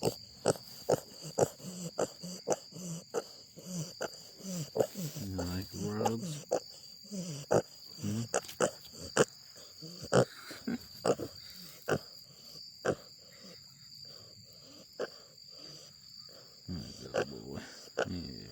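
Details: Snoring from a relaxed pig that sometimes starts snoring while standing during rubs: low, rough snorting grunts and snore-like breaths among regular tapping sounds.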